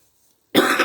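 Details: Adult coughing while talking: a single abrupt cough burst after silence.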